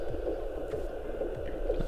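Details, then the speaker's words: Fetal heartbeat on home Doppler at 38+3 weeks of pregnancy (baby girl, calmer that day): rapid, rhythmic whooshing pulses over a steady hum. "Jetzt hören wir mal kurz die Herztöne ab von unserer kleinen Prinzessin."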